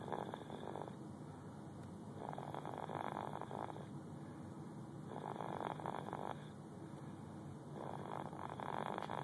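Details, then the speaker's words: Adult man snoring in sleep, suspected sleep apnea: loud, rough, rattling snores on each breath, about four cycles in nine seconds. "think you could snore a little quieter"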